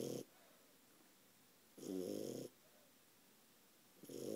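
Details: A 4-month-old French bulldog snoring: rhythmic, low, rattling snores with quiet pauses between, roughly two in four seconds; snoring in a flat-faced dog.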